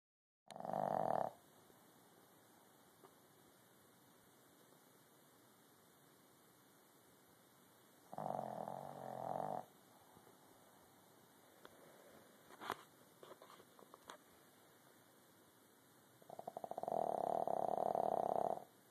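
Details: Snoring in a sleeping cat: soft, fluttering snores spaced several seconds apart, over steady background hiss and a few small clicks.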